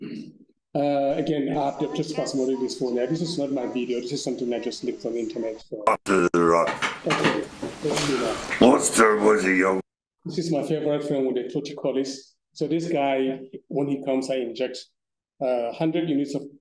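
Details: Adult male speaker; plain speech.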